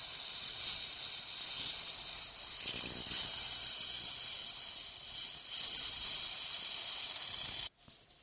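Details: Ultrasonic piezoelectric bone saw cutting osteotomy near sinus floor in sinus technique, depth watched to avoid perforation; continuous high hissing with irrigation spray and brief squeals, stopping abruptly.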